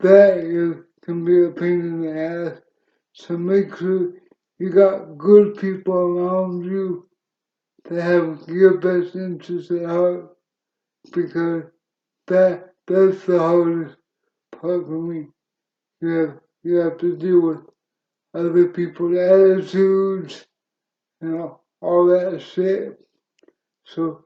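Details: Dysarthria in an adult male wheelchair user with cerebral palsy since birth, which he attributes to oxygen loss to the brain at birth; he reports a speech impediment and says his CP is worsening with age.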